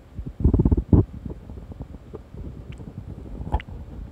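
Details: Low gurgling and rumbling abdominal digestion sounds from someone falling asleep after eating hamburger steak; normal bowel sounds.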